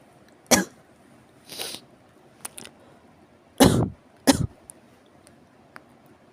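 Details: Severe cough: several separate harsh coughs and throat-clearing bursts over about six seconds, with faint clicks between them in a quiet room.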